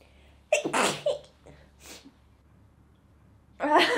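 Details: Sneezing by a model, recorded with the model's permission.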